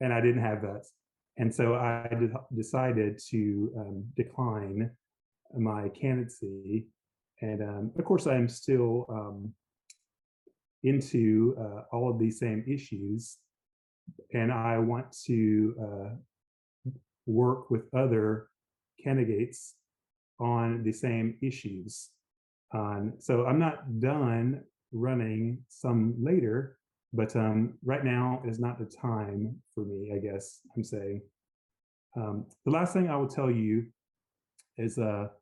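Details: Mild aphasia with word-finding difficulty after a stroke in an adult man, initially global aphasia able to say only yes.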